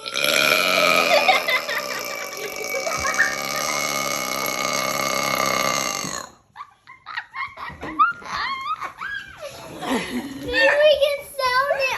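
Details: Deliberate, long, loud, drawn-out burp of about six seconds, done on request for cousins, who laugh and talk in the background; burping.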